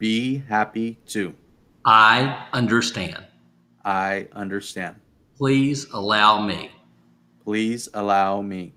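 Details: Adult man speaking; aphasia.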